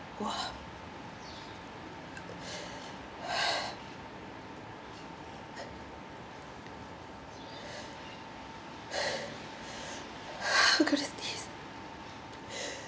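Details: Very intense, uncontrollable sneezing fit: several sharp, forceful sneezes in quick succession with gasping breaths between them in a quiet room, and the person's eyes affected.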